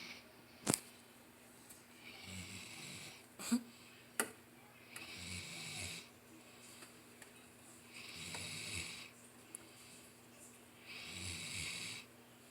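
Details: Chocolate Labrador passed out, snoring: rhythmic rasping snores with each breath, roughly one every three seconds, interrupted by a few sharp snorts and clicks.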